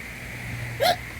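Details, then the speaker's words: Child with persistent hiccups while in a swimming pool: a single sharp, high-pitched hiccup over steady background noise. "You're about out of hiccups, aren't you? I don't know. I still have them."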